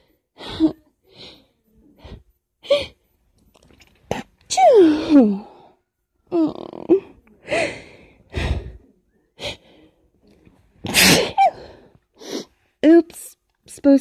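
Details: Person attempting to stifle strong sneezes: sharp, forceful bursts with gasping intakes between, some stifled, some loud; repeated sneezing.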